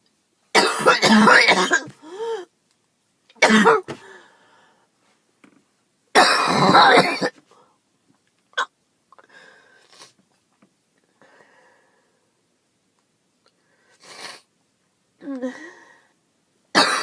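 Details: Girl coughing, first thought to be allergies, now with chest pain: three loud harsh coughs with throat-clearing and quieter breathy sounds between.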